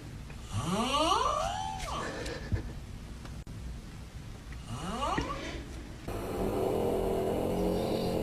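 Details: Two noisy breaths with a rising, squeaky whistle-like tone and background room noise changing partway through: snoring.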